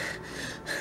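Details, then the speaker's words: A sick young boy (infant) asleep during an unusual second daytime nap, tired and cranky beforehand, breathes with a harsh, noisy rush of air; the parent notes he is struggling to breathe. Labored breathing. "if he's really struggling to take those breath but I was able to get him down for his second nap right now he usually don't take a second nap during the day so but i know he sick he needs the rest"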